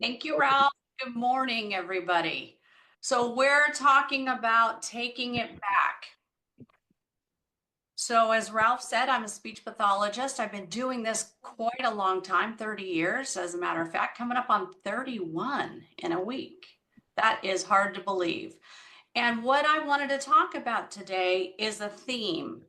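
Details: Adult woman speaking; normal speech.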